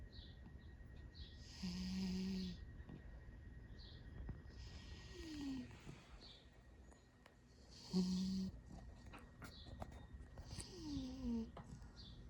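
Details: A sleeping male cat snoring slowly and regularly: a low buzzing snore on each breath in with a soft whistling note on each breath out, about 10 breaths a minute.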